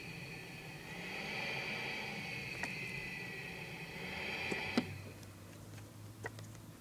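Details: CPAP machine from 2007 turned on twice: normal start ramping from low to prescribed pressure, then a mask fit test at full prescribed pressure; steady airflow hiss and motor hum, stopping with clicks.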